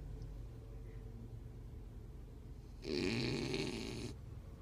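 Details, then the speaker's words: Whoodle puppy, said to snore extremely loud, asleep: quiet breathing, then one loud, rasping snore lasting just over a second: snoring. "That's a loud snore."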